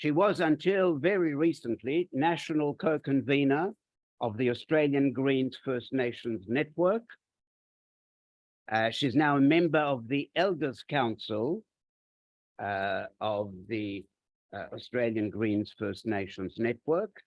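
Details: Adult speaker; normal voice.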